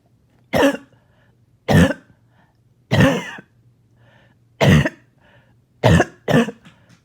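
Six harsh, abrupt coughs in about seven seconds, deep and chesty with a slightly wet edge and a faint hum in between: a barking cough with phlegm.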